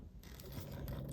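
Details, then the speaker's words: Low, rough, very loud rumbling from Grace, a sleeping, contented pug snoring in the background: snoring. "You'll hear Grace snoring ever so loud. So that's my pug snoring in the background. Very loud."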